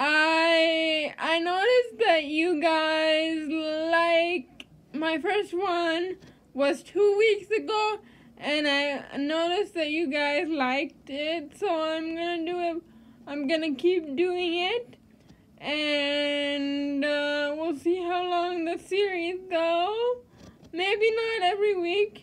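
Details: Adult woman with cerebral palsy who uses a standing wheelchair; dysarthric speech in cerebral palsy.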